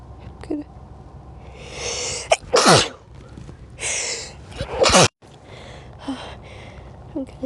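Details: Two sharp, explosive sneezes, each with a quick inhaled build-up, over light background music; the person repeatedly says the nose tickles before sneezing; ordinary sneezing.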